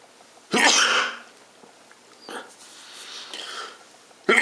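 One sharp, explosive sneeze, followed by a softer, rushing nose blow, then the start of another burst.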